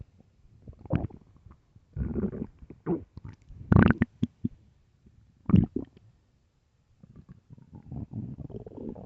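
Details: Extremely loud, deep stomach growls from an empty stomach: irregular gurgling growls with pauses between them; borborygmi.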